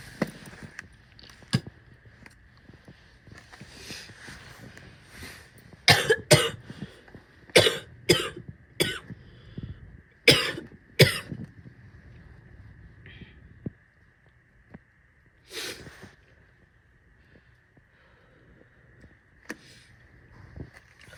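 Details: Female coughing and spitting; about ten harsh coughs, several in quick pairs, plus throat clearing and a hawking, spitting sound, over a steady background hum.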